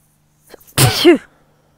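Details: Adult sitting outdoors in a blooming sweet pea field, who says the flowers make them sneezy: a short intake of breath, then a single explosive sneeze.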